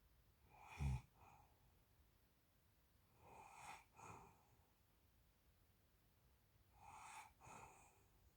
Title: Snoring sleeping feet